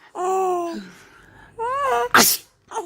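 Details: Drawn-in voiced breaths build up, then one sharp explosive burst from an adult man (the dad); a single sneeze.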